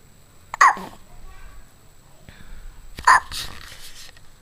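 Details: Hiccups in a one-month-old baby boy, awake and looking around: two abrupt, sharp catching sounds about two and a half seconds apart, with soft room noise between.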